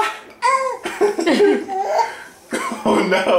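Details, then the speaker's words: An infant laughing at daddy: high-voiced squeals and giggles break into short, abrupt catching bursts, hiccups set off by laughing. "uhoh you gave some hiccups [Applause] [Laughter] wowow it's like a giggle on a hiccup"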